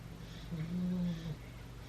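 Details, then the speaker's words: Single low, droning snore about a second long over quiet room noise from a sleeping dog; the pug is snoring beside the owner, and a pit bull may also be snoring on the bed. "Can you hear my dog snoring? My pug snoring beside me"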